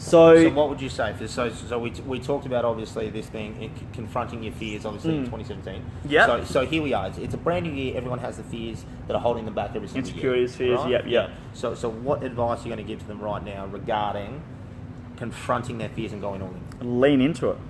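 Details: Adult male speakers; conversational speech.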